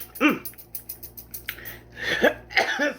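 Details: A few short throaty coughs with throat clearing in a quiet room, from an adult coughing while eating cucumber with lemon and salt; cough.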